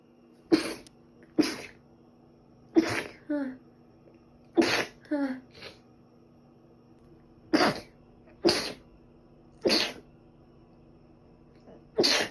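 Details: About ten sharp, explosive sneezes in quick series, some followed by a brief squeaky sound, in a quiet room; sneezing recorded over two days, thought to be from dust allergy, during a cold with ongoing cough and runny nose.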